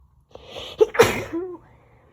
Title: Birthday Sneezes